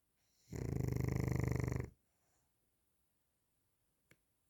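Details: One long, low, rattling snore on an in-breath, fluttering fast, then quiet with a faint click; snoring.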